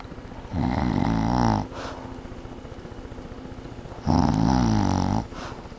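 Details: Mother snoring at night: two loud, rattling, fluttering snores about four seconds apart, each around a second long, with quiet breathing between, in a small room.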